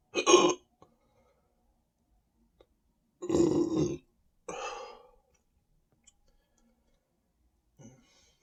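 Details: Three loud voiced belches, the second long and rumbling, then a faint fourth, standing after drinking more Sprite; reports feeling very full and tight; belching.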